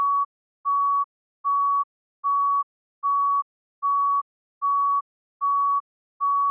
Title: heart monitor beep sound effect